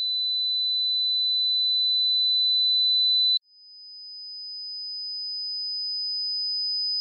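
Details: Tinnitus pitch-matching test using pure sine-wave tones stepping from 200 Hz to 14000 Hz, for matching tinnitus frequency.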